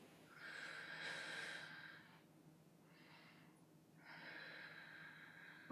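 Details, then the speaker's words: Stethoscope diaphragm on the anterior chest at the second intercostal space near the sternum, with the patient taking deep breaths through the mouth: hollow, blowing breath sounds in and out with a clear pause; normal bronchial breath sounds. "when you also take the front and a segment across the space close to the sternum where you're supposed to hear is bronchial breath sounds and that is completely normal"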